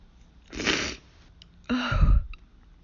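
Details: Pollen allergy (hay fever) sneezing fit: two abrupt, forceful sneeze bursts with sharp intakes of breath.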